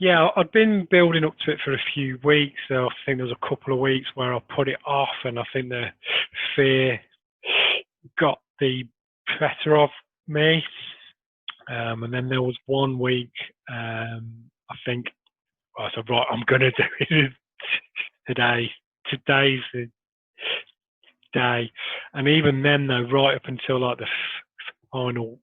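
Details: Adult man who has stammered since early childhood, with major blocks through school; he still has blocks and repetitions despite Starfish Project technique; stuttering.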